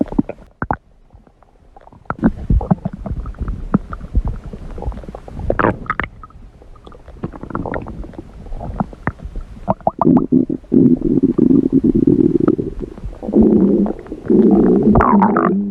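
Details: Red panda's stomach growl: low gurgling rumbles building into a sustained growl toward the end, bowel sounds.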